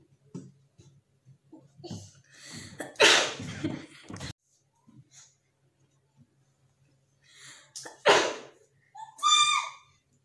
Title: Sneezing challenge part-2 /Sneezing challenge part-2